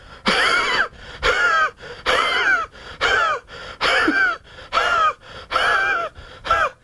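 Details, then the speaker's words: Imitated dry cough, demonstrated as the homeopathic Spongia cough: seven harsh, rasping bursts like a saw driven through a pine board, with no moisture and no wet or rattling sound. "And Spongia, remember my friends, is a very dry cough. So the cough of Spongia is like a saw being driven through a pine board."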